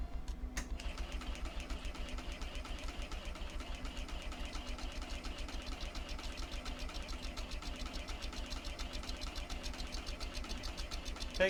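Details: Neonatal high-frequency jet ventilator running on a test balloon after self-test, rate 420, PIP 20: rapid steady mechanical pulsing with low droning hum, building toward set pressure before the ready light; normal operation.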